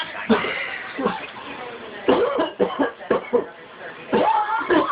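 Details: Pet bird imitating a person's cough after hearing someone cough: several short, rough coughing bursts, mimicry rather than real coughing.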